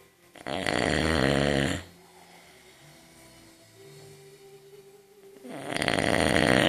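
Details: Two loud, harsh, rattling snores separated by a quiet pause, with faint background noise between them; ordinary snoring.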